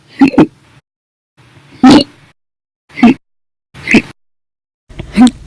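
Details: Audio-only recording of repeated hiccups (described as violent, loud, silent, minute), about five sudden, sharp voiced gulps roughly a second apart, each abruptly cut off.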